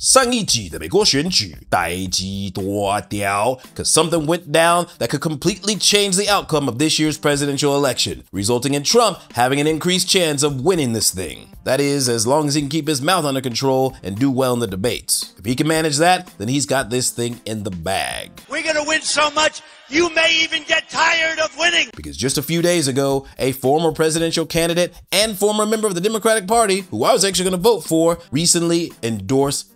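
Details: Adult male narrator; normal voice.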